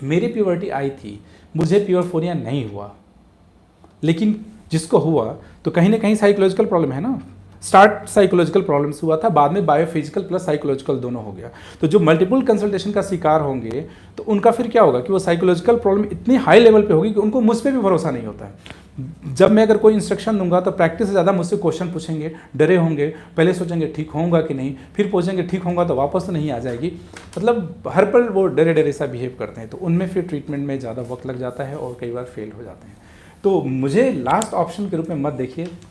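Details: Adult man speaking; normal adult male voice.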